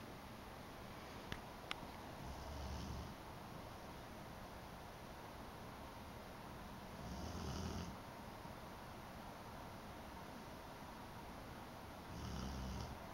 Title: snoring